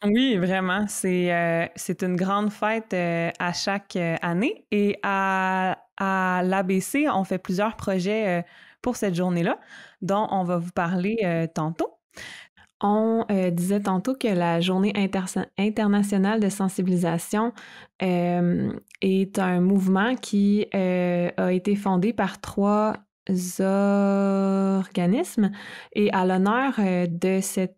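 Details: Stuttering in an adult woman who stutters, speaking conversationally in French.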